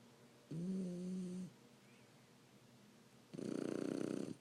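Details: Sleeping 3-month-old Shar Pei puppy snoring louder over time: a droning, whistling snore on the breath in, then a rapid, fluttering, rattling one.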